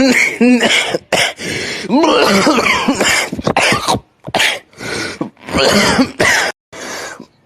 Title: 10 minutes of delicious coughing